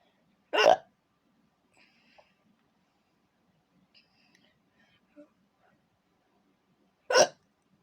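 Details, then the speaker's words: A woman with hiccups in a quiet room: two sharp, abrupt hiccups about six seconds apart, with faint small sounds between them. "Hi, the kids. It's me, with some more hiccups."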